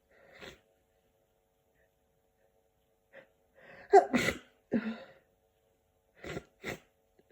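Short sniffs and catching breaths lead to one forceful sneeze, followed by a few smaller sneezy bursts.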